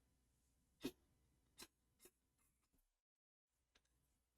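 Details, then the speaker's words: A single cough from another male person in the room, in the background while the speaker talks. "il tousse. Pardon, je sais pas si vous l'avez entendu, mais bref, il a toussé."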